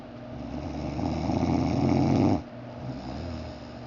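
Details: Adult man snoring while asleep: a loud, rough, rattling breath in, then a quieter breath out; snoring.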